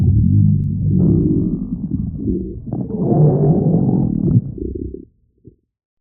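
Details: Low, drawn-out gurgling rumbles for about five seconds, rising and falling before going quiet; stomach growling (borborygmi).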